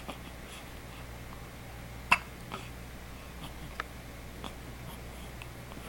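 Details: A little girl with hiccups: a few sharp, brief catching sounds at irregular intervals, one clearly louder, in a quiet room.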